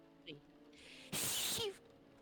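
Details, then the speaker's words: Single adult sneeze (short intake, then a sharp hissing burst of air) during a tabletop role-playing game session, over quiet background music; sneeze. "Bless you. Excuse me. What the hell? Okay. Yes. You that's the guys- cutest sneezes ever."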